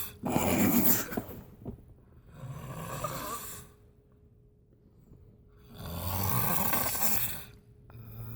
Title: How to stop snoring. Snore prank